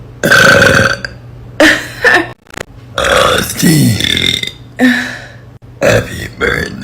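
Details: Young woman, who says she is still learning, burping deliberately on command after an Irish coffee: long, loud voiced belches strung together in a rhythmic, tune-like pattern; burping.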